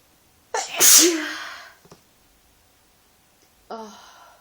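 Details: One forceful, hissing sneeze with a long breathy tail, then a short voiced sound; induced sneeze with an ongoing mild cold, feeling sneezy with a slightly sore throat.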